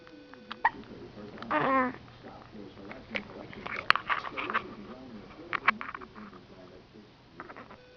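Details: Girl's hiccups, recorded in dim light: several short, sharp hiccup sounds scattered among soft voices and babbling.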